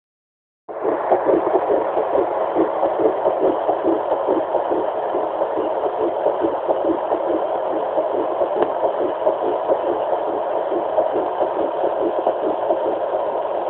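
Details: Fetal heartbeat at 7 weeks 2 days of pregnancy: fast, soft whooshing pulses through steady hiss, at about 140 beats a minute.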